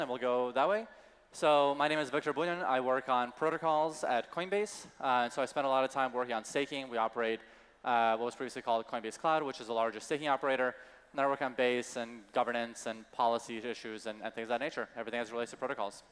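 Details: Adult male speaker; Normal speech.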